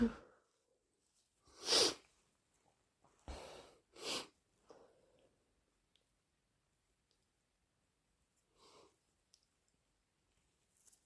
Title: Big induced allergy sneezes and blows